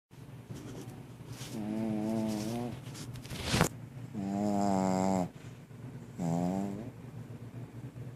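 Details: Sleeping puppy snoring: three drawn-out, whistling, whine-like tones over a low rumbling breath.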